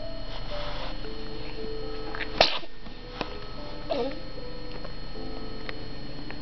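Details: Baby boy sneezing: a single sharp infant sneeze over a steady background hum and faint soft music.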